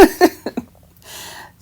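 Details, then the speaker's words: Adult man having a coughing fit in the background: four quick, muffled cough bursts. "my poor husband is having a coughing fit if you hear t"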